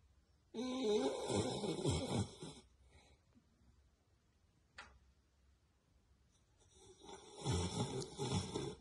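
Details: Beagle dog snoring very loudly: two long, rough, rattling breaths separated by a quiet pause; snoring.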